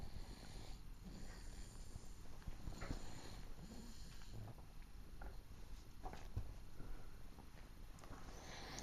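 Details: Infant asleep on her mother, soft low rumbling breathing: gentle snoring over faint room hiss.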